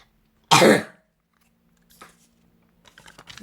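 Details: An elementary school child folding origami gives a single short, forceful cough, followed by faint rustling in a quiet room.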